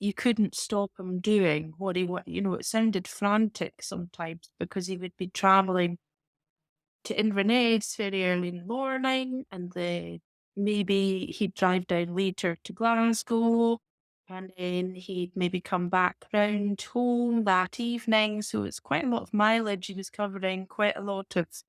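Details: Adult woman speaking; normal speech.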